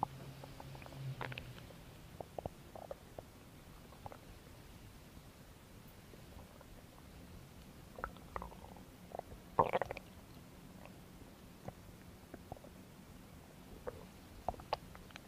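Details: Belly noises recorded as no-talking ASMR: quiet scattered gurgles and small pops over low hiss with a brief louder gurgle; soft ordinary stomach growling, bowel sounds (borborygmi).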